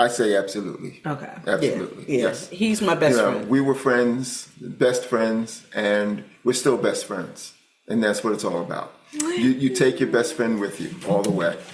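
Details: Adult man speaking; ordinary speech.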